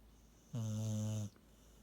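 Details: Sleeping beagle snoring: a single steady, low, droning snore lasting under a second in a quiet room.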